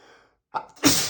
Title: HUGE Sneezes (M)